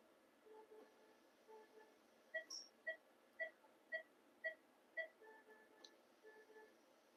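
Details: Phacoemulsification cataract surgery in a 6-year-old female Labrador with diabetic cataract: repeated short electronic beeps, about two per second, over quiet room noise; phacoemulsification machine in use.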